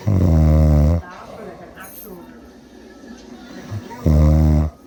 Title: My dad is snoring.